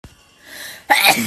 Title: Why do I sneeze so much